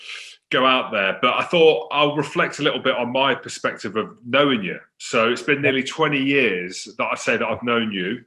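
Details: Adult male speaker; normal speech.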